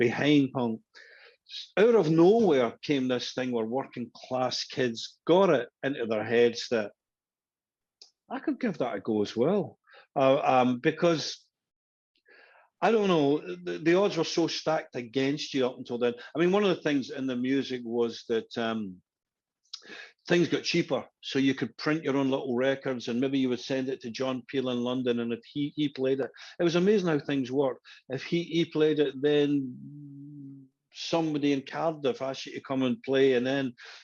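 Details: Adult man who stammered as a younger boy, with the stammer said to still be heard at times; stuttering.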